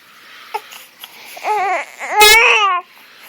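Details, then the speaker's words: Baby girl, described as cranky and crying all day, held by her father: short, rising and falling wails after a few small sounds, an ordinary infant cry. "i've been dealing with you all day just crying just cry cry cry every day i just like to cry cry cry uh that's all you do you poop you eat you cry there you cry"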